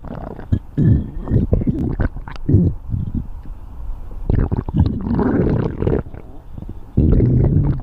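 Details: Stomach growling (borborygmi): loud, low, rolling gurgles and rumbles lasting several seconds, from gas and fluid moving through the gut.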